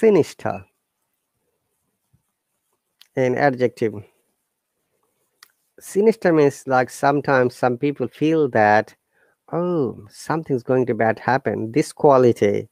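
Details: Adult; no disorder.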